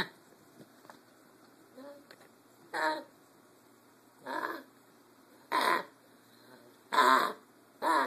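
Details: Puppy with five short, harsh, dry coughs or hacks about a second apart; the vet said sore throat, but the owner suspects kennel cough.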